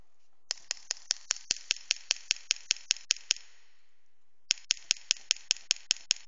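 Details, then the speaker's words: Pneumatic radial shockwave therapy device (LGT-2510B, adjustable 1–5 bar) in special burst mode M2, meant for patients who cannot tolerate long shot series: sharp clicks about 150/min, a burst of fourteen, a pause, then nine more. "M2 this special pass model is for some patient because you know sometimes the patient cannot cannot use very long shot so we set this special one"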